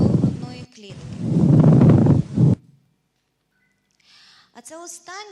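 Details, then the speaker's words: Teaching auscultation recording, stethoscope below and between the shoulder blades while the patient whispers words with sh/ch sounds: sharply increased bronchophony. "останнє, це є бронхофонія, різко посилена. Ви пам'ятаєте, що таке бронхофонія? Бронхофонія – це коливання повітря, яке передається на грудну клітку."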